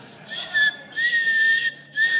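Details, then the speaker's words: Thin, steady high-pitched whistles in short bursts while a man speaks, from air passing his temporary dental bridge. "so some of you know I've been going through some dental issues and I have a temporary bridge and basically they've put in a whistle so uh"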